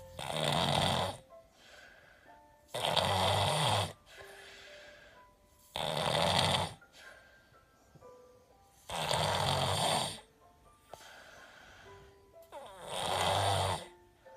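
Loud, rattling snores on each breath, about five in 14 seconds, with faint music in the background.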